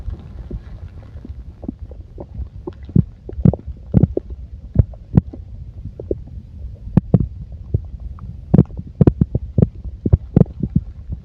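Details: Irregular gurgles and short pops over a low rumble: bowel sounds from a full stomach.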